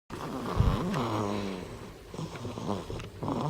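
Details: Infant girl snoring while breastfeeding as she falls asleep: short, rough, rattling nasal breaths with soft sucking noises.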